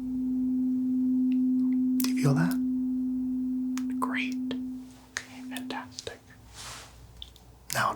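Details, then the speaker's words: Steady pure hum of a C tuning fork struck on the hand, fading over several seconds with soft whispering and handling sounds: a simulated hearing and vibration test in an ASMR doctor-checkup roleplay. "so i'm going to take this i'm going to hit it on my hand and it's going to vibrate in the tone of c so tell me if you can feel this"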